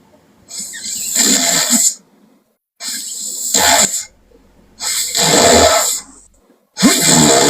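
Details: Girl sleeping and snoring loudly: harsh rattling snores on each breath, about 8 breaths a minute in this stretch, with quiet pauses between them; snorts also heard.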